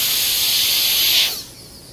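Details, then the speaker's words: High-speed dental handpiece with a diamond on a dentiform mandibular molar (simulated full cast gold crown prep), occlusal reduction near the marginal ridge and buccal cusp: a loud high-pitched whine and hiss, then winding down. "The buccal cusp is reduced in a similar manner. The functional cusp bevel is placed next."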